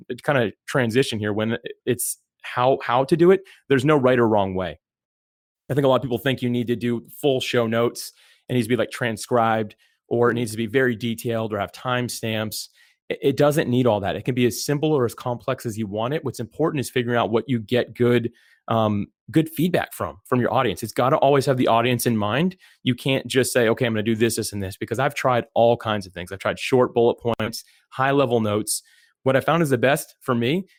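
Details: Adult male speaker; normal speech.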